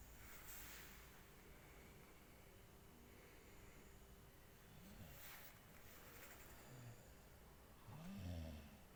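Low rumbling sleep breaths with a louder snort near the end over steady room noise; snoring.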